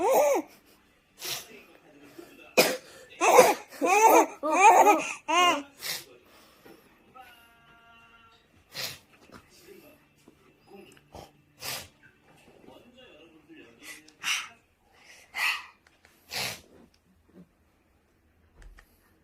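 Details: Short dry coughs from an older brother, with bursts of giggling laughter from his 4-month-old baby sibling.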